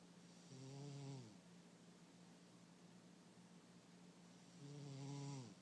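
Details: A napping cat gives two slow, rumbling inhaled snores about four seconds apart, with a faint steady hum in a quiet room: ordinary snoring.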